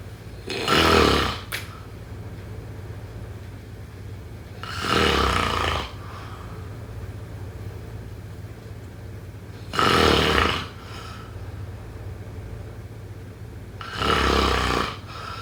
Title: #snoring #snoringasmr #sleepsounds #snoringsleepingsoundeffect